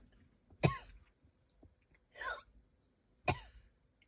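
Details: Three short, harsh coughs with quiet gaps; person reports hardly being able to breathe, wheezing and coughing, though no clear wheeze is heard.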